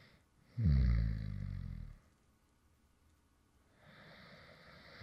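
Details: A single low, rumbling snore on an in-breath, then quiet breathing and faint room noise, recorded from a male creator who fell asleep while recording a previous video; real light snoring.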